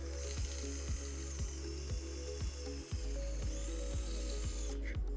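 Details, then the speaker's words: Surgical drill driving a pin into the lower femur to fix the tracking array during a robotic-assisted total knee replacement; low steady drone with rhythmic grinding pulses about twice a second. "the rule is the same we are going towards the lower end of FEMA and our aim is to apply the pins so that the array will face the the cameras"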